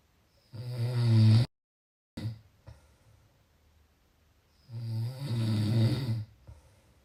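Two long, low, rattling snores separated by quiet pauses, with a short snort between them.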